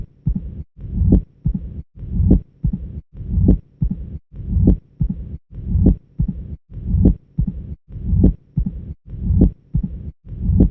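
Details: Phonocardiogram of mitral stenosis with the classic Duroziez rhythm, regular heartbeat near 50/min: first sound, second sound, opening snap, low rumbling mid-diastolic murmur and presystolic murmur reinforcement building before the next first sound.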